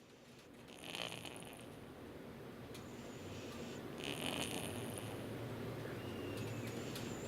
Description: Впервые вижу храпящего кота I have never seen a cat snoring